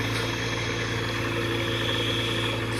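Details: Continuous low mechanical hum and steady compressor drone of an oxygen concentrator running at strong flow after flow was restored, being checked for oxygen purity; patient complained he can't tolerate its flow.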